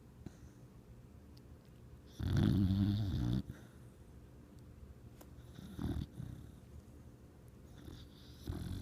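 One loud rumbling snore followed by softer snuffling breaths over low room noise; a dog snoring in sleep.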